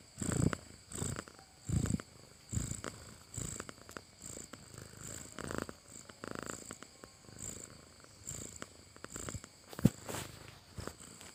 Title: Sound of snoring cat😂